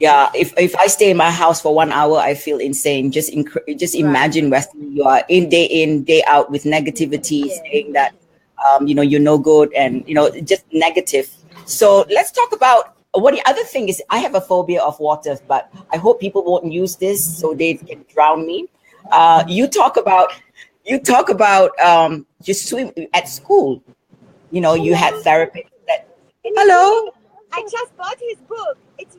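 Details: Adult talk show host, conversational speech; typical speech.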